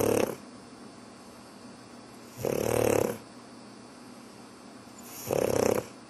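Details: Pug dog snoring while lying as if asleep (owner says pretending to sleep): loud, rough snoring bursts on each breath, about 23 per minute, with quiet pauses between them.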